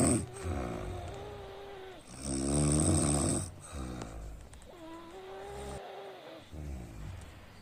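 Loud rough, rattling sleep breaths with vibrating, tonal stretches between quieter breaths: snoring.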